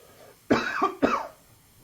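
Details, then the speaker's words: 60-year-old smoker coughs, his voice affected by smoking; smoker's cough. "don't ever start smoking cigarettes men don't ever start smoking cigarettes I mean you can hear my voice you can hear me coughing"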